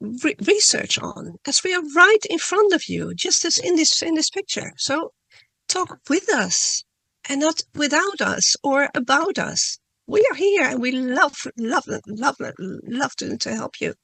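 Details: Adult woman who stutters, reading a prepared talk; word and part-word repetitions; stuttering.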